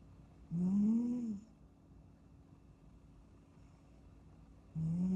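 Two soft, squeaky, tonal snores about four seconds apart, each on a breath, over quiet room hiss: a sleeping kitten's snoring.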